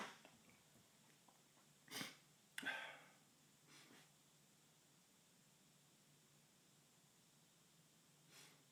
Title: Tickly Nose, Loud Sneeze 1 (M)